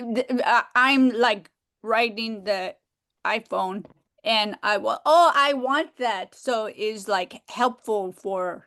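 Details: Woman with aphasia, described as having trouble expressing herself and a long-time member of aphasia groups, speaking on a virtual aphasia conference panel; finding: aphasia.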